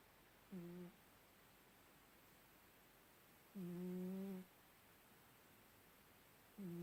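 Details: Slow, low, voiced snores about every three seconds, roughly 20 a minute, in a quiet room: snoring.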